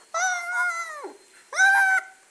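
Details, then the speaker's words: Two high-pitched, strained squealing breaths imitated by a doctor in live CPR and first-aid training, as the sign of a choking person who can't cough or cry: imitated stridor. "Baby is not crying. Turning blue or limp. Okay? So, or a sound like this, stridor."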